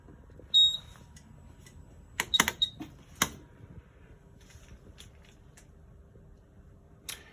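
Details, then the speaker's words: Servo invasive ventilator pre-use check: scattered sharp clicks and a few brief tones as the machine self-diagnoses, test tube connected from inspiratory to expiratory port; normal self-test taking about three minutes. "makes a bunch of clicking and it's just self diagnosing that everything's working it roughly i'd say takes about three minutes but i can tell you from lots of experience that it feels like 15."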